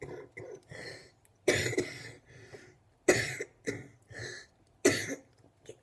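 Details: Run of repeated harsh coughs with throat clearing between them; persistent cough in someone sick for over a week.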